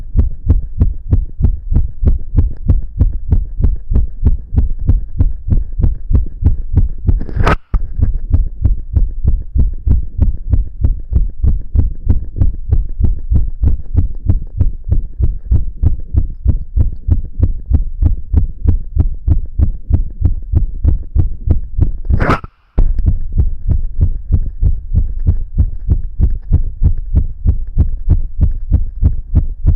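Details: A boy's own recording of his heart beating very fast, felt in the chest and visible: fast, steady, regular low thumps with two brief dropouts; rapid heartbeat.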